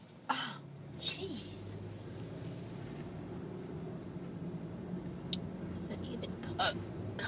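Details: Adult woman with hiccups in a car: a few short, sharp, isolated throat sounds over quiet background room noise.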